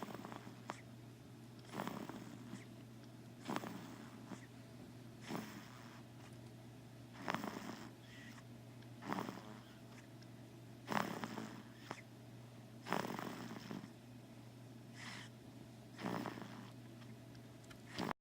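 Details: Quiet snoring: soft, regular rasping breaths about every two seconds, about 31 a minute, over a steady low hum.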